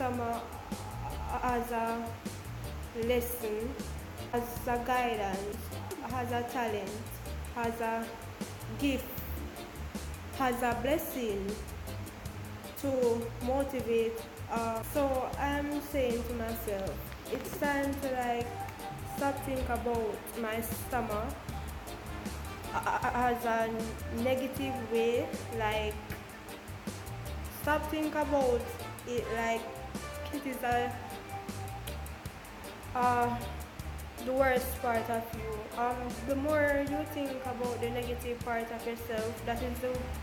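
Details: Jamaican woman who stutters, speaking about her own stammer: stuttering.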